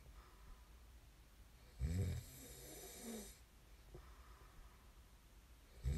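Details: Loud low rattling snores on breathing in, with quieter breaths between, against steady room hiss; ordinary sleep snoring recorded as snoring ASMR.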